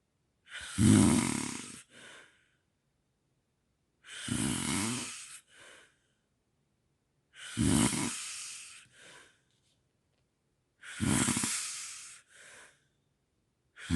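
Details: Harsh, rattling snores on each breath in, each followed by a brief puff out, about 17 breaths a minute, in a quiet room; from a sleep apnea and snoring recording; snoring.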